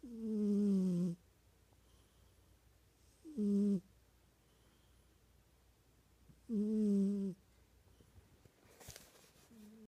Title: Ralph snoring 2016